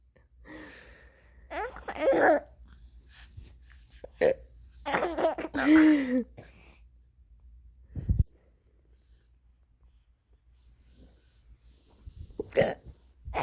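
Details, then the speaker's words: Mother's hiccups: short, abrupt hiccups with a sharp catch, between bursts of laughter and her talking to a child who finds them funny. "You think Mama's hiccups are funny? That was a funny hiccup, huh? That was a good one. I can't help the hiccups, Bean. They just come out."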